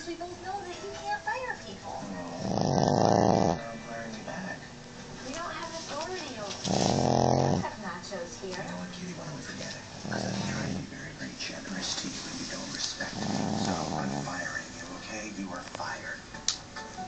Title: Snoring Chihuahua